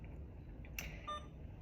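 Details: Key click followed by a short electronic beep in a quiet room: Alaris infusion pump keypad tone confirming a menu selection while programming a primary infusion of 0.9% normal saline under guardrails IV fluids.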